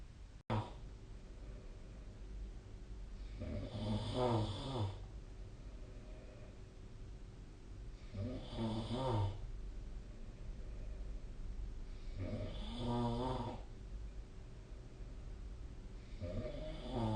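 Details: Snoring recorded with the SnoreLab app: regular low, fluttering snores about every four seconds, roughly 15 a minute, over steady room hum.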